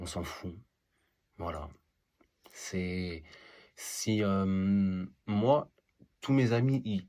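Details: Adult male who stutters; stuttering.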